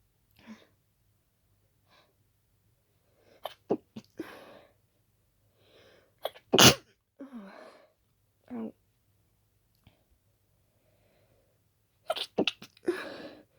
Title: Strong Stifled Dust and Pollen Sneezes